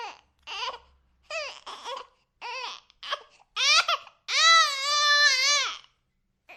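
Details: Baby crying sound effect: short, high-pitched fussy bursts building into a long, sustained wail.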